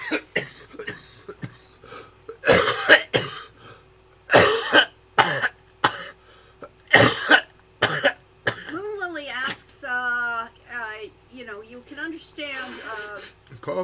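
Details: Adult man with a bit of a cough during a live game-developer chat gives a run of about five harsh coughs with throat clearing, then resumes talking in a slightly strained voice.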